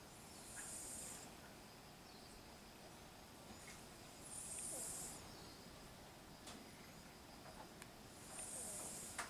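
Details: A cat sleeping at 7:22 a.m. snores with soft, airy breath noises about every four seconds, roughly 15 a minute, over quiet room noise.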